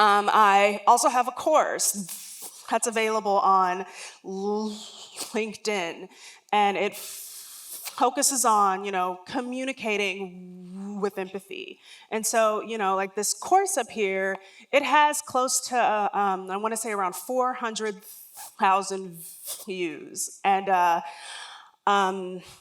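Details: Adult woman with self-described lifelong stuttering, real stuttering heard during a public talk.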